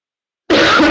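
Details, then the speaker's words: A single brief, rough throat clearing from an adult woman who says she has a bad cold and a bothersome cough. "Извините, кашель забивает. Вообще, говорю, простыла сильно."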